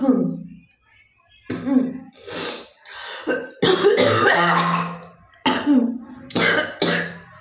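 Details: Several forceful, wet-sounding coughs from an adult in a cough-with-spit challenge recording, separated by short pauses, with some throat clearing; cough.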